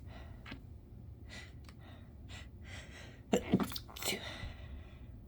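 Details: Sneezes stifled with the nose pinched until no longer possible, with an urge to sniffle: soft breathy gasping inhalations, then a quick burst of muffled sneezes; big wet sneezes stated at the end; stifled sneeze with gasping.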